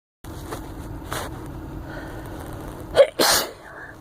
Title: Still Sneezing!